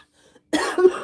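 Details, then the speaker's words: Unwell non-smoking adult, saying she sounds like a smoker's cough and plans to take medicine: after a quiet moment, a harsh, rough cough burst with a second push. "I could never be a smoker. I couldn't Can you I couldn't imagine like having a smoker cough."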